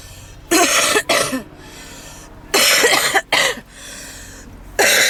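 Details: Woman smoking in a car, with heavy wheezing on almost every inhale: loud, harsh coughing in several bursts, some doubled, with quiet gaps between; smoker's cough.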